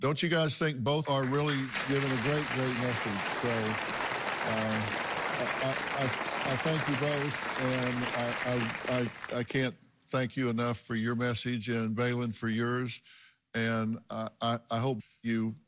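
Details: Adult male speaker; normal speech.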